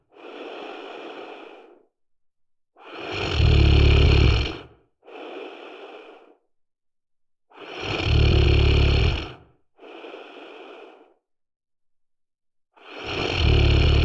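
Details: Loud, low, rumbling snores on each breath in, with softer breathing out between them, about 12 breaths a minute; snoring.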